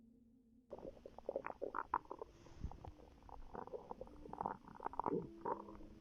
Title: I recorded my ￼pregnant girlfriend stomach growling & relaxing before she started havin contraction